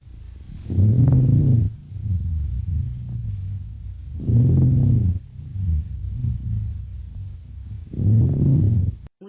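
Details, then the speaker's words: Chest auscultation demonstration: low-pitched, thick, snoring-like continuous rumble through repeated breaths; sonorous rhonchi. "وده البيتش بتاعتها بتبقى له صوتها تخين عامله زي ما يكون واحد بيشخر"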